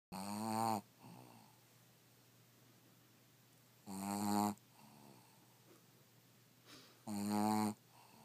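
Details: Three loud, buzzing, rattly snores on each in-breath, about three seconds apart, with quiet breathing between; snoring during sleep.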